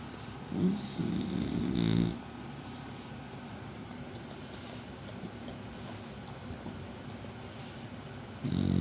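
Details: Snoring from a sleeping French Bulldog: a few short snorting, rumbling breaths over steady background noise.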